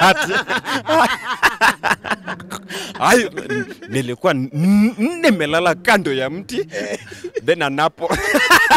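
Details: Adult male comedian who stammers, with onset in class 2 at school; stuttering.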